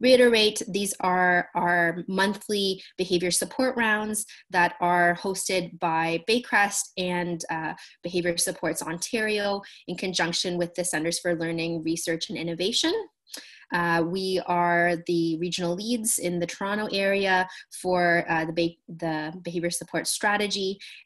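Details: Adult woman speaking; normal speech.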